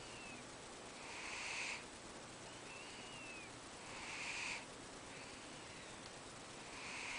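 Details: A sleeping cat snores softly, with airy breaths about 21 times a minute and faint whistling on some breaths.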